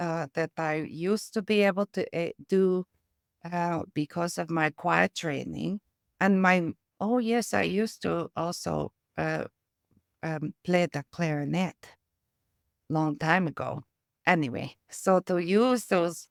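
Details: Aphasia with apraxia of speech resulting from a brain injury, in a former professional choir singer who uses music-based techniques to support her speech.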